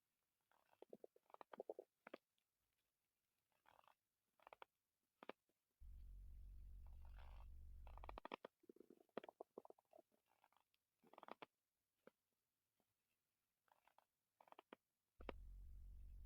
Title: male stomach growl 88